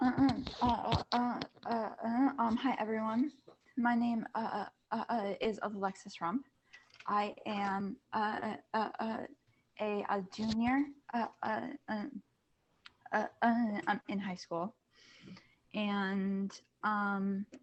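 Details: Female high school junior who stutters, on a panel of people who stutter; part-word and whole-word repetitions and filler words while introducing herself. Stuttering.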